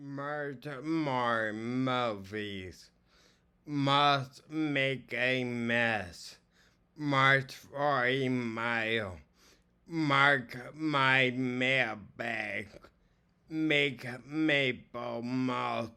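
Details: Ataxic dysarthria in an adult man with acquired ataxia from seizures and strokes to the cerebellum, doing daily vocal warm-ups; he can be very hard to understand and has trouble projecting his voice and controlling his breathing.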